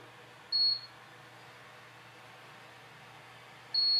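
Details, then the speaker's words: Two high-pitched electronic beeps about three seconds apart over a quiet fan hiss as a powered air-purifying respirator (PAPR) fan unit is switched off at the back during doffing; shutdown takes about four to five seconds. "now in order to dop your paper you'll just simply reach back behind you and turn it off"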